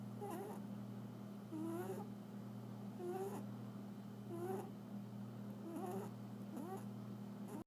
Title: Cat snoring